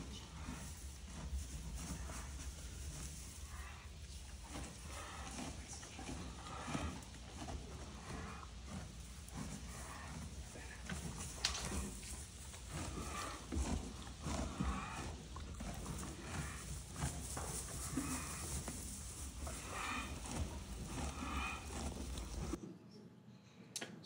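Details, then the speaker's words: Harsh, noisy, effortful wheezing breaths from a horse in an acute equine asthma flare, audible without standing close. Nostrils are flared throughout and the eye looks stressed, though the horse is still eating. "you must have heard it but you can hear the horse just wheezing and you don't even have to stand that close"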